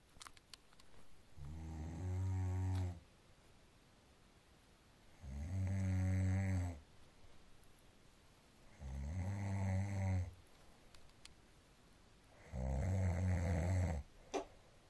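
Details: Snoring during sleep: four deep, rattling snores, one on each in-breath, about 16 per minute, with quiet pauses between them.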